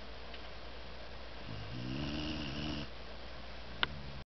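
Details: Tired Dalmatian asleep upside down on a camper bed after a week of hiking and swimming: a single soft, low, buzzing snore in a quiet room with steady background hiss.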